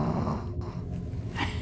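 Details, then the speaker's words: Sleeping Chihuahua: soft, low rumbling snore with a faint snort near the end; ordinary snoring. "In case you think it's a demon trying to come out somewhere, there's a Chihuahua sleeping here, Well, snoring."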